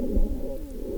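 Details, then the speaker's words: A 55-year-old man with lung cancer, tracheal stenosis and severe breathlessness has harsh, tonal, strained, whistling noisy breathing, which is stridor from tracheal narrowing. "이 호흡은 스트리도이고 트라키알 스테노시스가 있는 런캔서 환자의 호흡음이었습니다."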